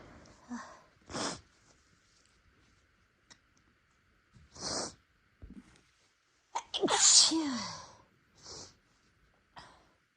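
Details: Several sharp, hissing self-induced sneezes from deliberately tickling the nose, some with a quick indrawn breath and a voiced cry on the loudest, in a person with no allergies whose nose had recently been sensitive to spicy food.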